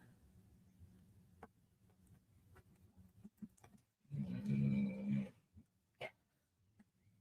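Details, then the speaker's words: A low, rough, rattling snore from a sleeping overweight dog who is on a diet rises loudly for about a second amid quiet room noise and soft clicks; the owner hopes the snoring will lessen with weight loss. Dog snoring. "He's on a diet. Hopefully when he loses weight, he'll do less snoring."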